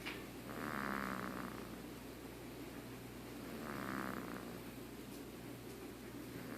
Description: 1 month old baby snores